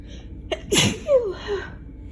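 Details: Single sharp, forceful sneeze after a quick indrawn breath, with a brief voiced trailing sound, during a summer cold following days of allergies.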